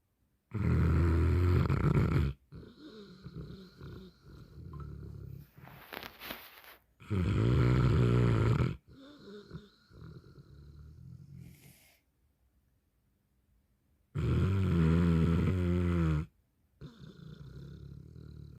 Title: 🤔Do dogs snore? 🐕 yes and Ur dog should sleep all night